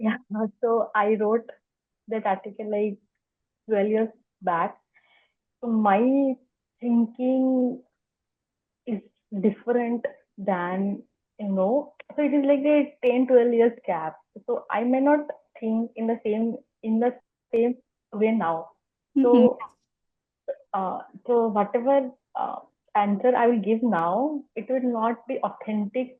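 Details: Adult woman who has stammered for as long as she can remember, speaking spontaneously; stuttering.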